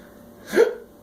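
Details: Adult man with persistent hiccups, filmed by his wife: a single brief, abrupt gulping catch of breath in a quiet room. Typical hiccup.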